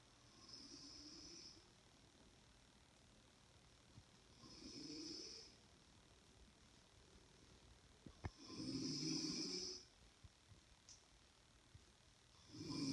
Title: My mom snoring 💤